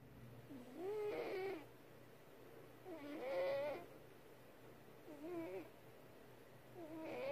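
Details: Cat snoring: four whistling, tonal snores in about seven seconds, roughly one every two seconds, over quiet room hum.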